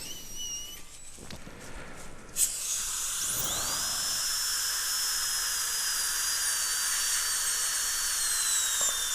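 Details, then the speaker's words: High-speed dental drill reducing about 1 mm of labial enamel on an adult woman's worn upper central incisor (tooth 8) for a 3/4 porcelain veneer crown, deep overbite case; steady high-pitched whine with hissing spray. "so i'm going to go about a millimeter just put a little mark there and just take it down"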